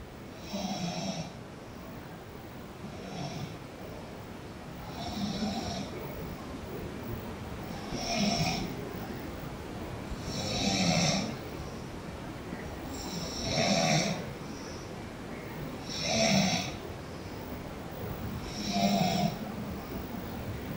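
Regular snores on breathing in, about 23 a minute, each a raspy buzzing flutter over steady room noise.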